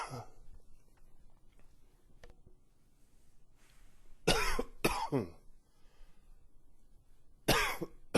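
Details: Quiet breathing, then a pair of harsh coughs and one more harsh cough a few seconds later, part of a coughing fit.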